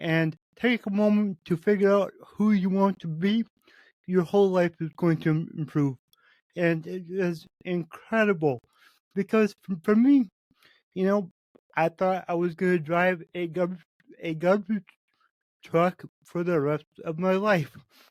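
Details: Adult man with cerebral palsy, which he says affects every muscle in his body; he reports his speech is much better than 8 months ago and improving as his health improves; dysarthria from cerebral palsy.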